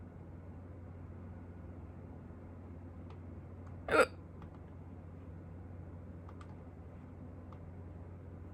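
A single sharp, abrupt hiccup in a quiet room with a low steady hum, one sudden catch of breath.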